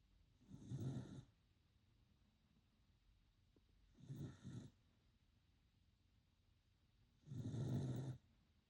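Three soft rattling snores a few seconds apart from a sleeping puppy, with quiet breathing between; ordinary snoring.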